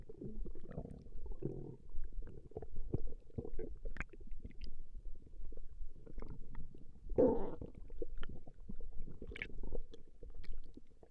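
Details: Woman's stomach growling recorded over a long session: low gurgling rumbles and squelches from the abdomen, ongoing throughout; ordinary borborygmi from normal gut activity.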